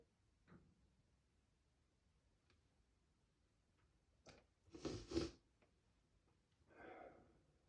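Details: Quick sharp inhale then an explosive double sneeze burst and softer breathy exhale from a male in a quiet room; ordinary sneezing.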